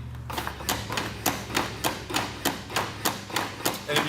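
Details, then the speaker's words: Lucas 2 mechanical CPR device clipped to a backboard, with the piston lowered over the bottom half of the breastbone and started: steady rhythmic thumping compressions at about 100 per minute. "lower the Piston down over the bottom half of the breastbone once it's in place you'll press the play button"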